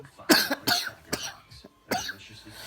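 Four short, harsh coughs in quick succession in a quiet room, with a faint throat-clearing quality; an ordinary cough from an acute illness.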